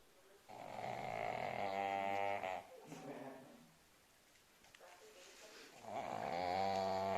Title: Cute Pug snoring| Dora the Pug| Adorable | funny dog ❤️